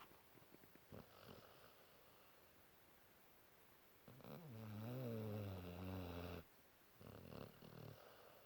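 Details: 5-month-old Cane Corso dog sleeping after a hard day: soft breathing, then a low droning, buzzy snore of about two seconds and fainter snuffly breaths.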